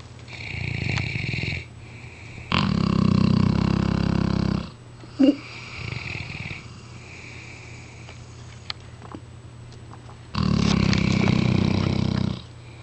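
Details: Loud, low, fluttering snores about two seconds long, separated by quieter whistling breaths, from sleeping mastiff dogs.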